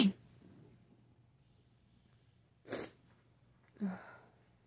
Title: Still sick and sneezy.